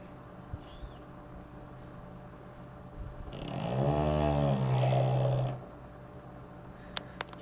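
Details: French Bulldog snoring: a single low, rumbling snore lasting about two seconds against quiet room hiss, followed by silence.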